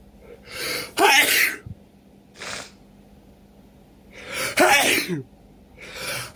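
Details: Person with a cold, sneezing and sniffling all day, nose irritated after shower and thick sweater: two forceful sneezes each after a sharp inward breath, sniffing between; sneezing fit.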